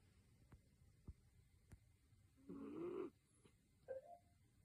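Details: A sleeping miniature dachshund gives a single rough, rattling snore, then a brief high squeak as it stirs awake: snoring.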